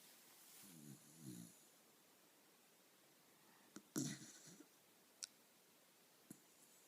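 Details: Jack Russell terrier snoring while asleep: soft snores and a snort with a few small clicks in a quiet room; harmless sleep snoring, likened to his owner's snoring.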